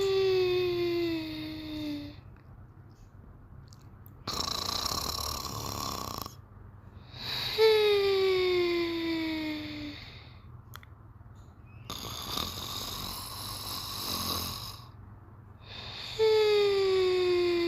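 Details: Repeated whistling squeaks alternating with noisy breaths, cycling about every 4 to 5 seconds, during sleep; snoring.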